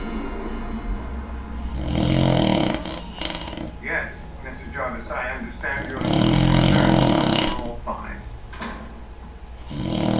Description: Wifey thought it would be fun to record me while I was taking an afternoon nap!!! SO WHAT I SNORE!!!